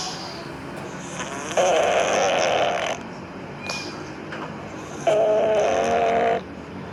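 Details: Sleeping cat snoring: two drawn-out, whistly nasal snores over steady room hum.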